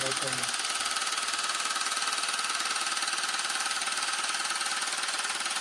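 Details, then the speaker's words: Loud, fast, regular tapping-hiss pulses, roughly 160 a minute, from an at-home low-intensity shockwave device applied to a man's penis for erectile function; he reports no pain and no sensation. "Okay. So I have no pain on my penis right now, but I can't feel anything. All you guys can do is just hear how loud it is."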